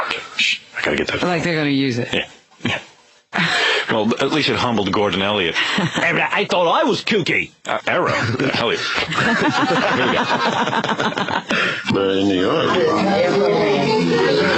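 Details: Adult male speaker, radio broadcast; no speech disorder.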